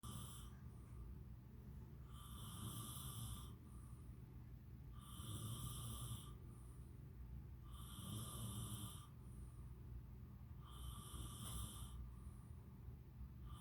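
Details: Loud, regular snores with a rasping, fluttering quality, about four in 13 seconds, roughly one every three seconds, over steady low room rumble; snoring.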